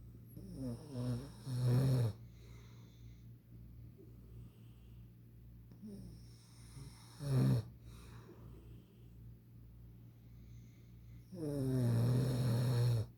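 Deep, rumbling snores at intervals with quieter breathing between, typical adult snoring.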